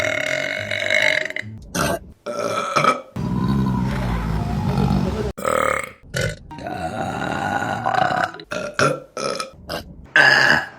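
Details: Female burping compilation: a run of loud, drawn-out burps, some long and low, with short gaps between them and faint background music; burping.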